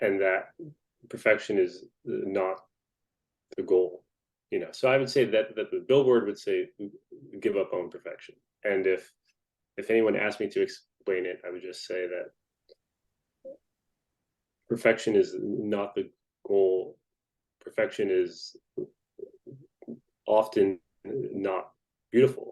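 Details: Adult male author who has stuttered since at least age 12, speaking in a conversational interview on a stuttering podcast; stuttering.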